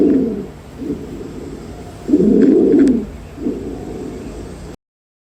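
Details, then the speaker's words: Repeated loud, high-pitched, harsh, crowing breath sounds with each breath, indicating upper airway obstruction; stridor. "El exriidor es un sonido respiratorio que se va a caracterizar por ser agudo y fuerte, que esto va a indicar una obstrucción de las vías superiores."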